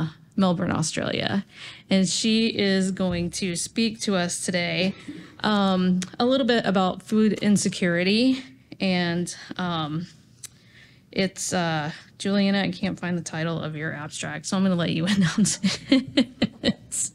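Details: Adult woman speaking; normal voice.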